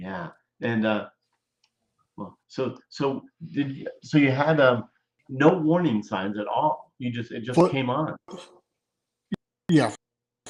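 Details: Adult male speaker; normal speech.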